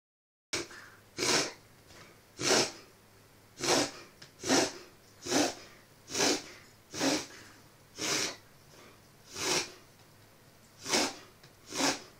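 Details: Loki recovering from pneumothorax: rapid run of about ten sharp, hissing sneezes, roughly one per second, in a quiet room; owner unsure if reverse sneeze or spasm, occurring 2-3 times daily. Sneezing fit.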